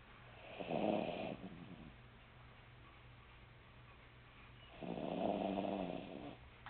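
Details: Snoring while asleep.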